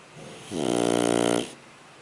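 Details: Shar Pei puppy snoring while asleep: a single loud, buzzing snore about one second long, rising and fading.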